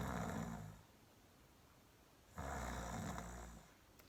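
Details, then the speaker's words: Demonstration imitating rhythmic snoring, the kind recorded at night to check for sleep-disordered breathing such as sleep apnea; two low, rattling snore sounds with a quiet pause between. "let me go ahead and do some demonstrations for you if you're doing rhythmic snoring like this"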